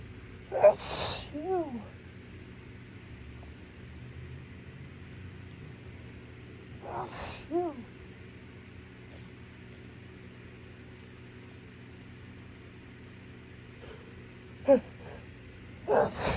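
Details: An adult in a severe allergy attack after a plume of pollen came off a trash lid in the morning: forceful sneezes, each with a drawn-in breath before it, over a quiet room; a repeated allergic sneezing fit.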